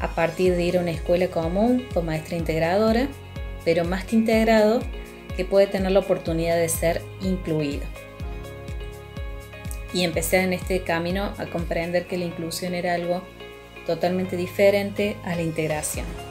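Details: Adult speaker; normal speech.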